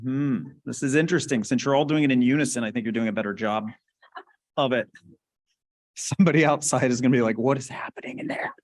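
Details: Adult male speaker; ordinary speech.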